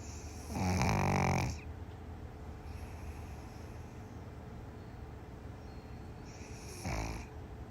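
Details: A pug dog snoring: one loud, rattling snore, then a quiet pause and the start of a second, shorter snore.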